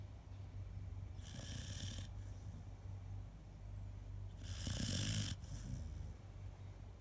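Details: Low, rumbling snores with airy hissing on each breath over steady background hum from a sleeping dog; snoring.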